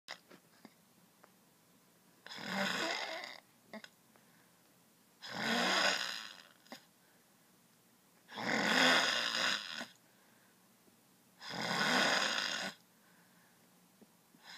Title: Loudest snoring ever